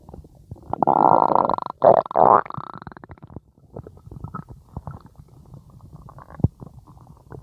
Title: stomach growling 3